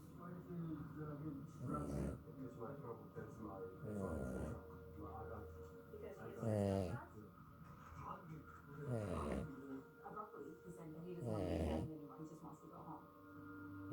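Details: Loud snoring from a sleeping dog: rumbling snores about one every few seconds over steady low room hum.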